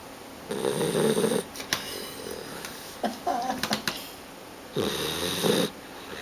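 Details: Snoring from a sleeping guide-dog puppy lying on someone's leg: two long, rough, buzzing breaths about four seconds apart, with soft rustling between them, in a quiet room.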